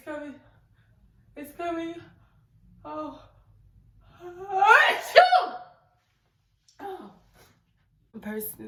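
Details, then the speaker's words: Standing woman's gasping breaths build to one loud explosive sneeze after she says "it's coming", followed by quiet sighs; an ordinary sneeze. "so yes oh goodness i feel like oh oh ouch oh right it's coming"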